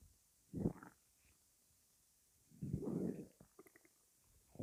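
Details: Bowel sounds: two low, gurgling stomach rumbles with a few small bubbling pops; the person describes the stomach noises as weird.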